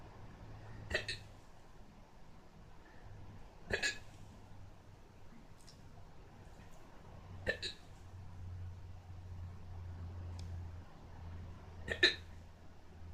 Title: hiccups again